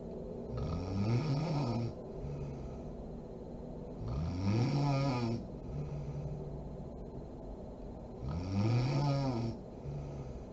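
Low rattling snores on each breath in, about 16 breaths a minute, over steady room hiss; ordinary snoring.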